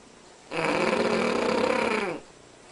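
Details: A Cavalier King Charles Spaniel snoring far louder than a normal dog gives one long, loud, buzzing rattle on a breath; snoring.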